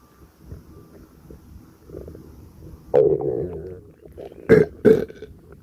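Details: Belching with a gassy stomachache: soft abdominal gurgling, then one long voiced burp and two short burps.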